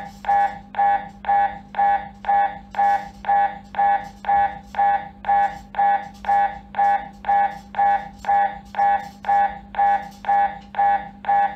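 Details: Loud, rhythmic buzzing pulses about twice a second over a steady low hum: normal MRI scanner noise during a scan.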